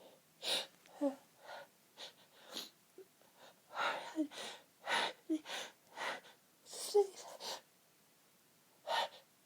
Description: trying to holdback sneezes for as long as i could before the fit just wouldn't be held back anymore